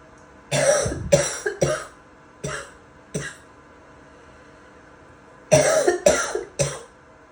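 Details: Wet barking cough.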